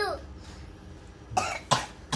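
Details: Two or three short coughs from a sick child (Ara) with fever, flu and cough, taken to a pharmacy and given paracetamol and cold medicine; a sick child's cough.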